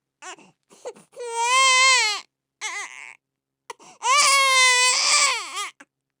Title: Baby Crying Sound Effects